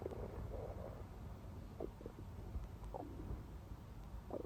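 Quiet, steady low rumbling with short gurgling bubbles throughout: continuous stomach growling, ordinary bowel sounds.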